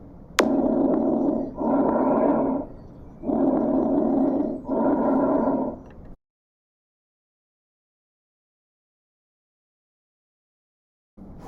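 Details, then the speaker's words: Normal breath sounds heard with the stethoscope diaphragm over an intercostal space, patient sitting upright and leaning slightly forward: soft, even rushing breath sounds with no added noises. "here is a normal breath sound"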